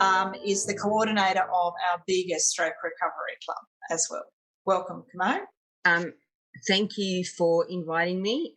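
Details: Adult speakers in conversation; no speech disorder.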